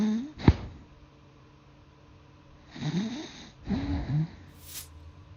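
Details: Golden Retriever snoring in sleep during a cold Australian winter: low, rattling snores in slow breaths, with a soft whine between them.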